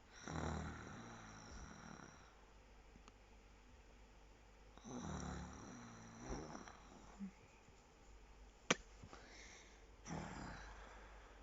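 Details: Loud rattling, grunting snores likened to a pig, separated by quieter breathing, with a sharp click midway and faint room noise; snoring.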